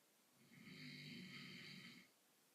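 One soft, drawn-out snore on breathing in, with a low rumble and an airy hiss, against a quiet room.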